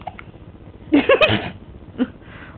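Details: A 3½-month-old baby girl makes brief, abrupt squeaky catches of breath while laughing during peekaboo; hiccups.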